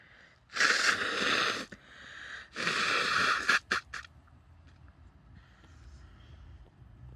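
Two loud sneezes into a handkerchief, then a few short sharp nose bursts and quieter blowing. Ordinary sneezing with nose blowing.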